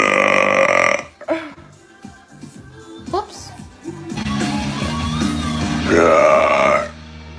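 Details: Girl burping: two loud, drawn-out belches with a short, croaky vocal stretch between them, with music in the background.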